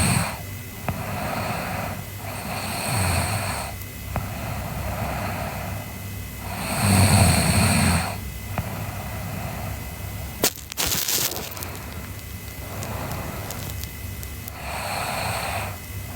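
Slow, regular rough snores on the in-breath, about four breaths a minute, over steady room hum; ordinary snoring during sleep.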